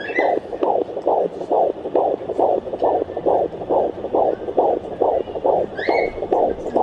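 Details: Fast, regular whooshing heartbeat about 136 beats a minute on a handheld home Doppler low on the mother's abdomen: normal fetal heart rate at 16 weeks of pregnancy.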